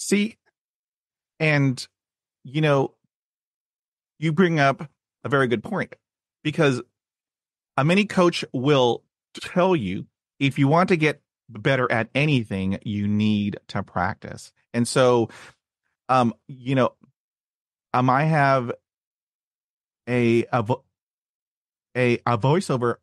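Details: Adult man who has stuttered since childhood, had speech therapy at age 5 and again in his 20s, and reports blocks and repetitions, especially on cold reads; stuttering.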